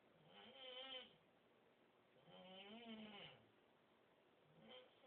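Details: Male roommate snoring loudly in sleep, heard through a door and at first mistaken for a choking cat; slow, drawn-out nasal tones with a whistling, bleat-like quality every two to three seconds; snoring.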